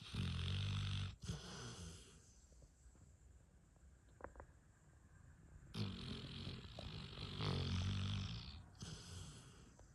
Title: Snoring dog